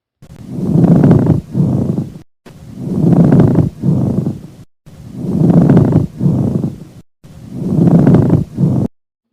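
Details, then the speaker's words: Repeated breath cycles with an irregular, discontinuous, rough grating creak like rubbed leather, in both phases and louder on inspiration, a pleural friction rub from exudate-coated pleura in pleurisy; auscultation teaching example. "na pleurite estão recobertas de estudado e produzem ruído irregular descontínuo mais intenso na inspiração com frequência comparado ao Ranger de couro atritado agora um exemplo do atrito pleural"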